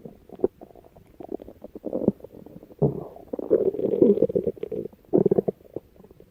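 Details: Low gurgling rumbles and bubbling squelches come in bursts from a female stomach, with a longer drawn-out rumble midway: ordinary stomach growling, or borborygmi.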